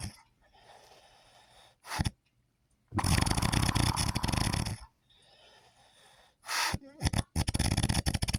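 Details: Sleeping adult, apparently a husband, snoring: loud, rattling snores in bursts with quiet gaps between them.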